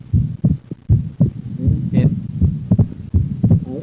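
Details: Split second heart sound with right bundle branch block, heard while the patient breathes in and out on command: a regular heartbeat near 80 a minute with a widened, split second sound.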